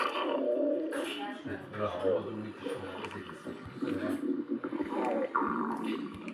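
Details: Long, wavering gurgles and rumbling growls with sliding pitch run almost continuously, with Italian conversation in the background; stomach growling (borborygmi).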